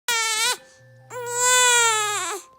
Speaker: crying baby oh sorry baby